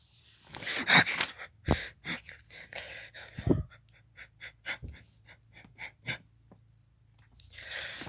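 A run of short, sharp, regularly spaced hiccup sounds, about a dozen in several seconds, with breathy noise at start and end.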